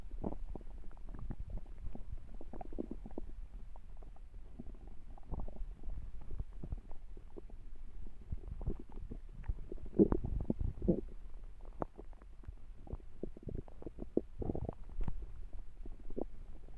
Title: A hungry stomach growls